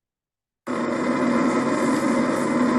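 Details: Normal EMG interference pattern.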